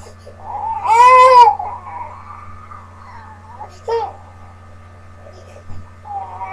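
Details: Infant whining, then a short wailing cry and a second brief cry, fussing to be picked up; quiet room hum behind.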